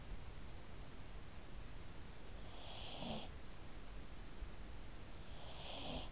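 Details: Female pug that snores all the time, asleep, then wakes herself up snoring: two soft, hissing, snorty breaths about three seconds apart over steady background hiss.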